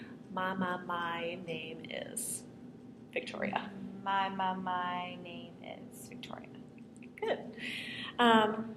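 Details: Demonstration of easy stuttering, a stuttering modification technique: the stutter is produced openly with reduced tension as a controlled repetition (bounce) or prolongation (slide).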